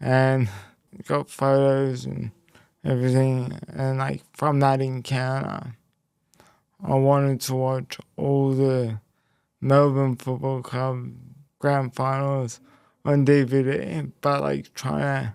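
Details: Speech impairment in a young man after a left-hemisphere haemorrhagic stroke at age 12, followed by a five-week coma, with right-sided body weakness; speech was the most affected area and had to be relearned, and he reports slower information processing.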